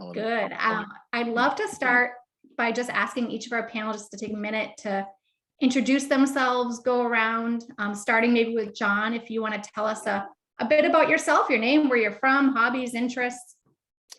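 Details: Adult woman speaking; normal speech.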